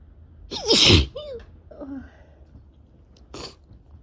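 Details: One loud, wet sneeze, then a brief voiced breath and soft sniff, from a person with a cold and very runny, irritated nose, during a prolonged sneezing attack after travel.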